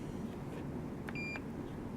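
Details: Two quick electronic beeps over low room hum as keypad entries are made on a Curlin 6000 infusion pump while the basal rate is being changed from 7 to 9 under lock code; keypad confirmation beeps.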